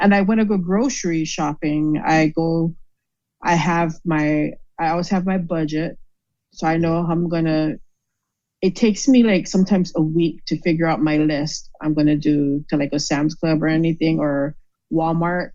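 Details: Aphasia after a stroke in a woman.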